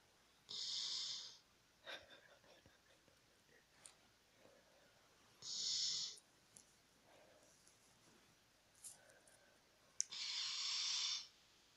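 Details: 8-year-old golden retriever–husky dog sleeping soundly in a bed and snoring: three soft, hissing, whistly breaths about four seconds apart over quiet room noise.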